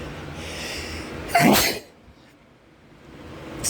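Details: One loud explosive sneeze after a short intake of breath, then quiet; male with repeated sneezing attributed to pollen drawn indoors by fans while the air conditioning is broken.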